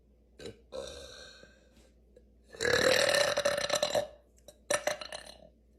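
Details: Girl deliberately burping after practicing: a few short belches, then one long, loud, rattling burp and a brief final one.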